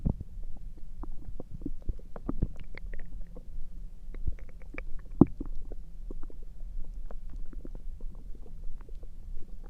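Continuous low gurgling and bubbling with scattered clicks and squeaks; ordinary stomach rumbling from gas and fluid moving through the gut.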